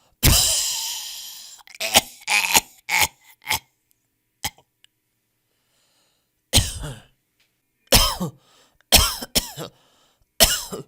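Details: Sound-effect compilation of people coughing in different styles: a harsh cough burst followed by a series of short coughs and throat clears.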